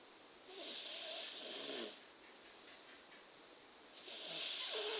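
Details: Two long, rough, hissing inhaled snores with a quieter pause between them from a person sleeping and drooling: snoring.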